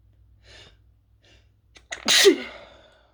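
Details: Person who is sick with a sore throat, sneezing from toasting chili peppers while trying to stifle: quiet in-breaths building up, then one loud explosive sneeze with a voiced cry; irritant-triggered sneezing.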